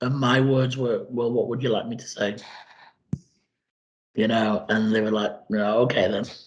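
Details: Woman after surgery with tracheoesophageal puncture and voice prosthesis, breathing through a stoma with HMEs; radiation before surgery; tracheoesophageal voice.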